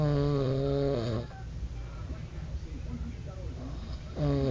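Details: Snoring: deep, buzzing, vibrating breath sounds with a quieter stretch between two bursts.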